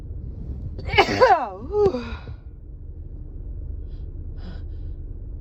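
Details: Female with an itchy, tickly cold and stuffed-up nose: a drawn-out gasping wind-up followed by a long, voiced sneeze against steady room hum.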